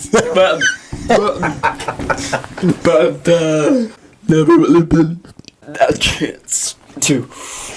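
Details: Dysarthria in a 23-year-old man with cerebral palsy.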